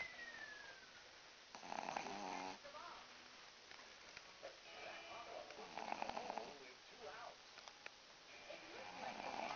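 Loud rattling snores from a sleeping dog, recurring roughly every four seconds, with a fluttering, vibrating quality on each breath in.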